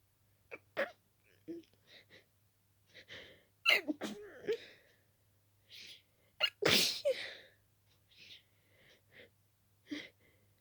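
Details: Itchy-nosed person with dust allergy: rapid series of sharp, wet, stuffy sneezes, some stifled, with quick gasping breaths between; an allergic sneezing fit.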